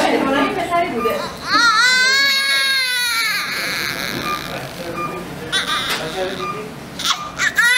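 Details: Baby girl one minute after birth: loud, long tonal wail followed by shorter cries over room noise, a strong normal newborn first cry.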